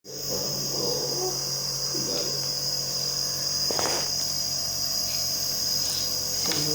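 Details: Continuous high hiss from a running nebulizer used to treat Felix's cough, with brief faint voices and small clicks in the room; nebulizer running.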